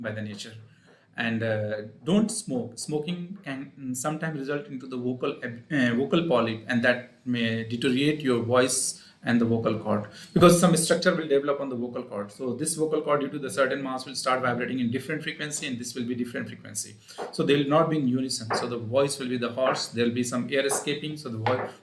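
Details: Adult male speaker; normal voice.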